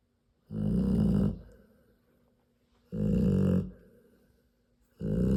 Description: My Serbian import Mamma Odea sleeping - snoring loudly while she nurses her 10 three day old Rottweiler puppies.